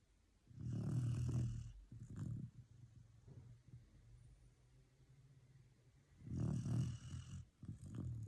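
Two loud, low rumbling snores on the in-breaths, with soft quieter breathing between them: a sleeping puppy snoring.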